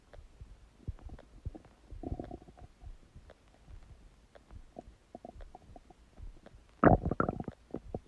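Scattered low gurgles and bubbling pops with a louder rolling gurgle near the end; ordinary bowel sounds, a normal finding.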